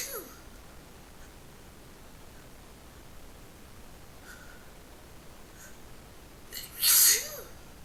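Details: A quick in-breath and then one loud, sharp sneeze near the end, over low background hiss and poor sound quality; sneeze.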